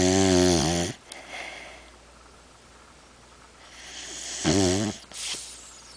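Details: Overweight female dog snoring while asleep: loud, rattling snores on the in-breath with quiet pauses between; heavy snoring.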